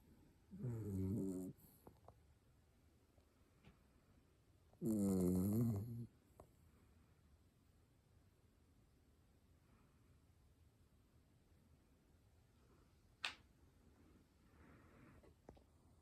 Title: Does your dog sleeps like mine?… snoring 🤣🐕🐕🐕🐕‍🦺🐕‍🦺